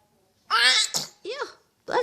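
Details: Series of sneezes: a quick run of short, sharp, squeaky bursts of air in a small room.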